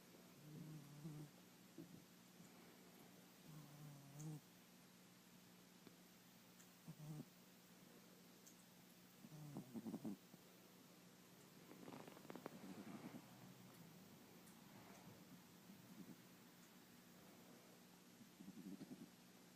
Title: snoring